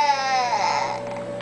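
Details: Infant boy crying: a single drawn-out, high-pitched wail whose pitch slides downward then tails off, ordinary infant crying.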